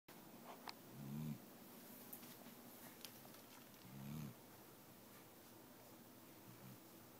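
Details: Snoring from Dixie, a doodle dog who has been unwell: low, rumbling snores about every three seconds, roughly 20 a minute, during sleep.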